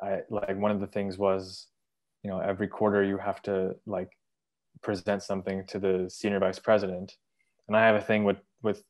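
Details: 23-year-old man, bilingual English and Urdu, with stuttering since about age three, now describing himself as having overcome it; stuttering.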